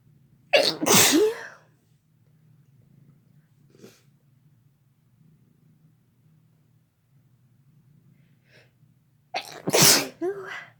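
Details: Two loud explosive sneezes several seconds apart, each with a sharp intake and burst, over a low steady hum; ordinary sneezes.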